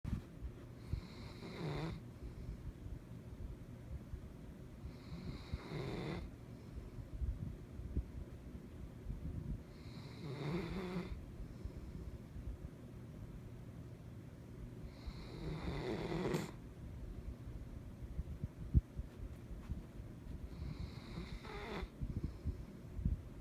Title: German shepherd snoring